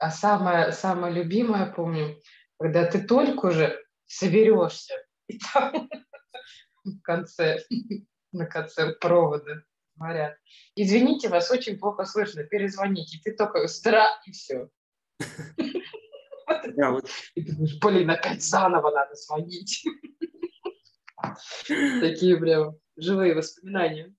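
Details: Stuttering in an adult woman who has stuttered since childhood, recorded after completing a stuttering course.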